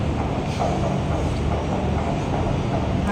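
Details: Fetal Doppler probe movement artifact during a fetal heart rate check, with the probe placed with gel over the fetal back; scratchy noise that may instead be the mother's pulse.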